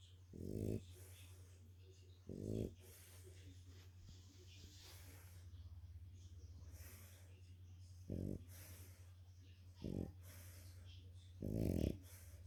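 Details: French bulldog napping after a walk, tired: short, low, rumbling snorts every few seconds over a steady hum; snoring in a flat-faced dog.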